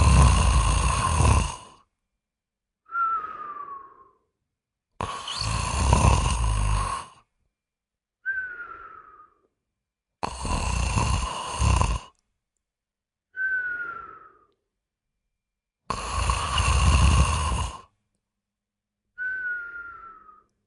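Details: Joke, not serious, likely staged snoring: loud rattling snores on each inhalation alternate with a thin whistling exhale, about 12 breaths a minute.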